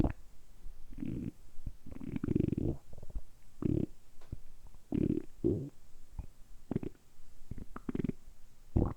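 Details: Stomach rumbling deliberately produced by an adult man for about ten minutes in a quiet room; repeated low gurgling rumbles recorded close up, ordinary bowel sounds (borborygmi).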